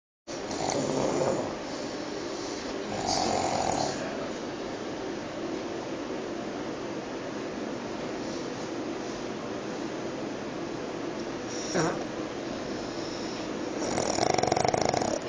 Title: Pug snoring..